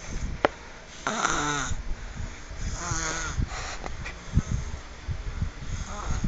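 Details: A tired sleeper gives low, rough, snorting snores on a couple of breaths, with rustling and handling noise around them; snoring.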